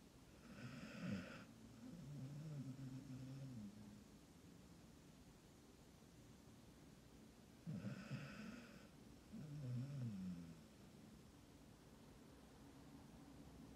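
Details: Dog in deep sleep snoring: two slow, rumbling breath cycles, each a snort-like inhale followed by a fluttering exhale.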